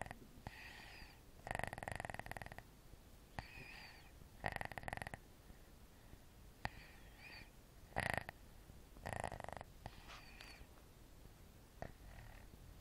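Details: Person snoring in the dark, a funny kind of snore: soft, irregular snoring bursts over steady room hiss, about six snores in 13 seconds.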